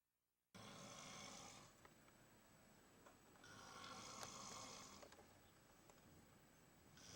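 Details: Snoring: two long, rough, hissing breath sounds repeating about 19 times a minute over faint room noise.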